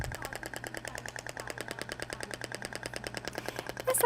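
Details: Rapid, evenly spaced sharp clicks at about ten per second from an IBRAMED Thork radial shockwave device (max 200 mJ) firing in static mode, 2000 shots at 10 Hz, applicator held still.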